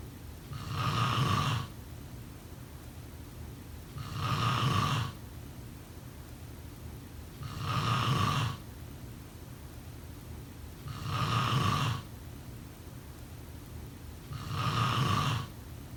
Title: Snoring sound … #5